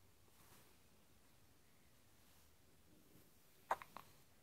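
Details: Hiccups: a quiet room, then two or three short, abrupt clicking jolts near the end, possibly a dog hiccuping.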